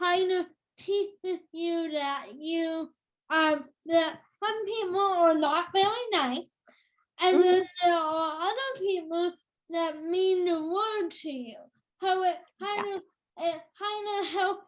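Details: Female speaker with cerebral palsy since birth that has become tighter with age; she says listeners may need her to repeat or type; dysarthria (cerebral palsy).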